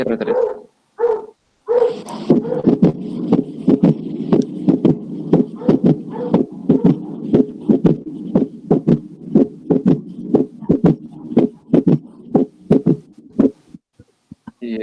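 Regular heartbeats with an extra low, soft sound early in the relaxation phase after the second sound, a third heart sound (S3) gallop.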